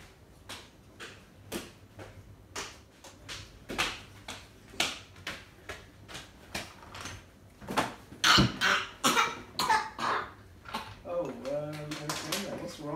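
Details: Acted, non-serious coughs in a small room: repeated short, sharp coughs growing louder and harsher before a brief voiced sound; cough.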